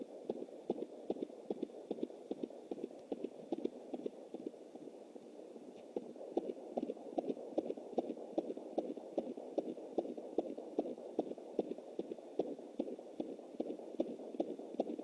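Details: Fetal heartbeat of a baby boy at 20 weeks + 7 days, recorded with a Jumper home Doppler through an anterior placenta; rapid galloping, horse-like beats, distinct from the mother's slower pulse in the uterine artery.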